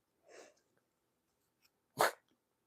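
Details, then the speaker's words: Male pet dog, excited and wanting treats, sneezes on the owner: a soft snuffling puff, then one sharp, explosive sneeze. "Don't sneeze on me, young man. Did you hear that? That was him sneezing on me."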